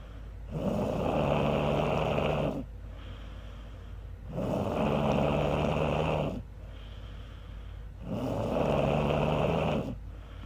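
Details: Woman napping on a couch, snoring very loudly: regular buzzing snores on each in-breath, about 15 breaths a minute, with quieter breathing out between them.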